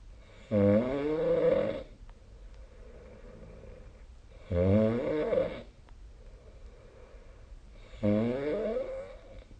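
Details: Snoring during sleep, recorded with the SnoreLab phone app: loud, rattling, throaty snores on each breath, about 17 a minute, with softer airy breathing between them.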